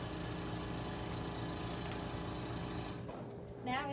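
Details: Steady loud mechanical hum with a constant drone cutting off near the end; suction unit running as a student nurse tests suction after connecting a sterile catheter, before tracheostomy suctioning in a demonstration; suction machine running.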